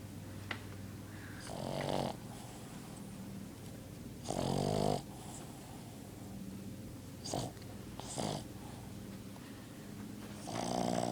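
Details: Dog snoring in his sleep: irregular rough, snorting snores over a steady low room hum.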